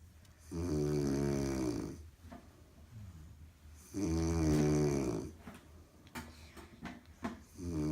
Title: My beautiful wife snoring